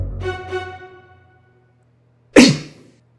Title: Sneeze If You Know It Clap Your Hands